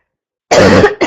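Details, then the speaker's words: Girl reports mucus at first but none now, and difficulty breathing without coughing, saying she got sick; single harsh, dry cough burst after silence, then a brief second sound; dry cough. "I did have mucus at first, but now there's no mucus. Now it's just really hard for me to breathe [cough] >> without coughing."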